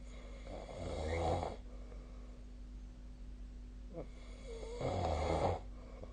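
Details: Sleep snoring: two rough, rattling snores on breathing in, separated by quiet breathing out, over a steady low room hum.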